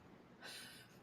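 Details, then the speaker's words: A single airy, hissing snort-like breath over faint room noise; a sleeping bulldog snoring. "that noise that you're hearing is somebody snoring that's the bulldog snoring"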